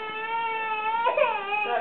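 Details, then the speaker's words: 20-month-old girl crying, fussy after too short a nap: a brief tonal wailing cry that rises and breaks into a sob, an ordinary fussy toddler cry. "stand on here crying CU she didn't have a long enough nap I'm trying to make dinner on stove"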